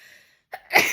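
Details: A single sneeze: a short in-breath followed by an abrupt, loud hissing burst of air, from a series on repeated sneezing.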